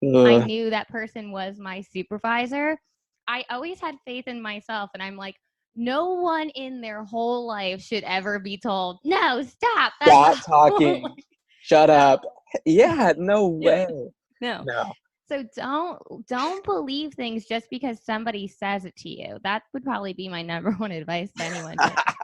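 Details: Adult female speaker; ordinary speech.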